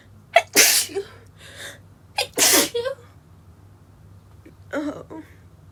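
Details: Female sneezing attack triggered by sawdust from woodworking: three stifled sneezes in quick succession, each preceded by a quick inward breath, the last softer and partly held back.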